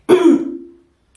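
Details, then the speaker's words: Adult speaker who says the voice is still hoarse; a single voiced throat clear, a rough guttural rasp under a second, trailing off quietly: throat clearing. "Excusez-moi, j'ai encore la voix enrouée."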